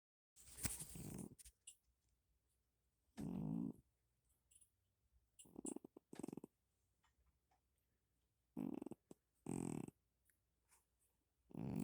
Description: how can cats sound like this...?